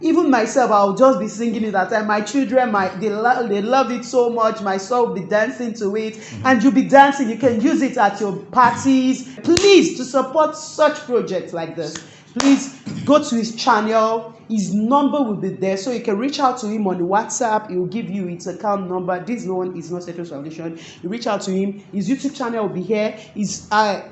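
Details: Adult female narrator; normal fluent speech.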